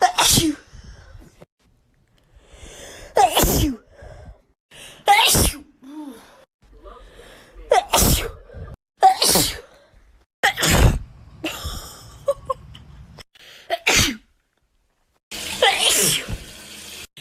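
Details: Wet sneeze compilation: about eight explosive wet-sounding sneezes in a row, each with a sharp breath in before it; ordinary wet sneezing.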